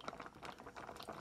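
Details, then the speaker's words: Makeshift ventilator prototype limiting pressure with a water column giving 10 cm H2O back pressure (PEEP): irregular gurgling bubbles as air is pushed through the water. "we're controlling the pressure with a column of water yeah huh and we'll just burble this in there we go we will see the water rise"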